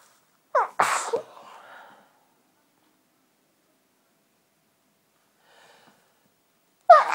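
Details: A quick run of sharp, explosive sneezes, then silence and another sneeze, after an urge to sneeze that kept going away; sneezing fit.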